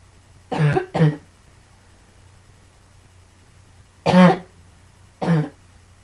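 Four harsh coughs, a quick pair then two more spaced apart, in a small quiet room.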